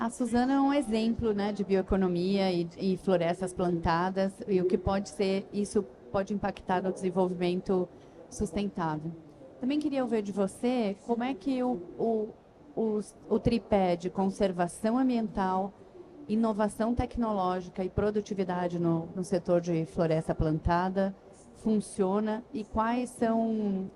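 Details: Adult woman speaking Portuguese; Normal speech.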